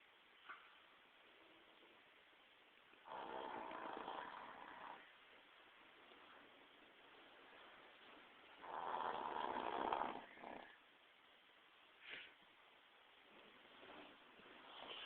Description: honey the pitbull has a severe underbite causing her to snore like an old man.